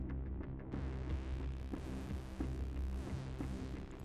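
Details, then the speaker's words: Low, regular stethoscope heart thumps under a steady hum; the first heart sound (mitral and tricuspid valve closure, best heard at the apex and at the xiphoid base), told from the second by coinciding with the palpated carotid pulse. "чтобы отличить первый то второго можно одновременно пальпировать пульс на сонной артерии пациента первый тон совпадает с пульсовых"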